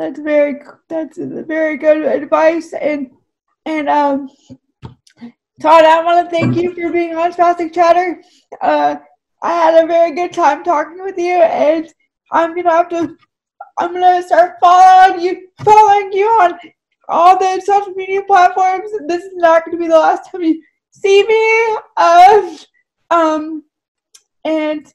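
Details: Woman with cerebral palsy whose speech is affected by the condition: dysarthria (cerebral palsy).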